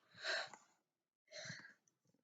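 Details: Two short, breathy, hissing bursts from a child, each with a sharp expulsion of air, sneezing into a microphone on request.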